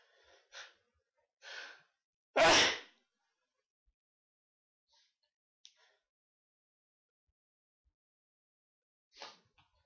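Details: A few soft breathy intakes build to one loud, sharp sneeze, followed by quiet sniffs and small breaths; a single sneeze.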